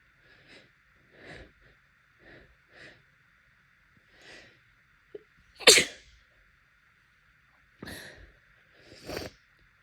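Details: Allergic rhinitis during heavy pollen season in the American South, with bloodshot, swollen eyes: several wet, congested sneezes with sniffs and breaths between them in a quiet room, plus nose blowing.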